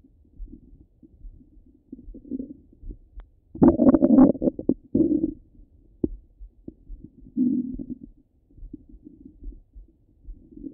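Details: Active bowel sounds heard over the abdomen: irregular gurgles and rumbles with quiet gaps between them.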